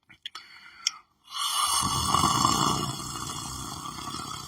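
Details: After a few soft clicks, a long, rough, rattling breath sound in a small room from a person lying asleep on the floor; snoring.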